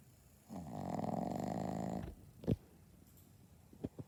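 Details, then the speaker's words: Owner's furry "baby boy" snoring in sleep, a scary-sounding snore: one loud, rattling snore lasting about 1.5 seconds, followed by quieter snuffles and breathing. "That's how my son snores. Scary snore."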